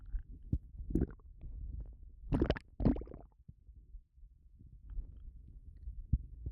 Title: Bloated stomach sounds and burping